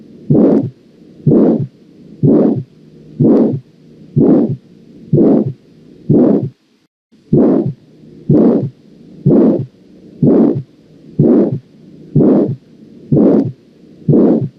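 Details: Heart auscultation in aortic valve stenosis: regular beats about 62 a minute, each carrying a loud, harsh whooshing murmur; characteristic aortic stenosis murmur.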